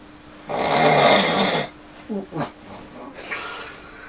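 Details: Father asleep: one long, loud, rough snore on an indrawn breath, then quieter snorting breaths, with a fan or vent noise in the room; ordinary snoring.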